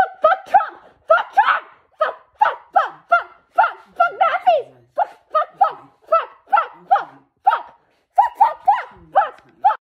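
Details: Tourette syndrome with vocal tics, including coprolalia (tic swearing), during a tic episode. Vocal tics (Tourette syndrome).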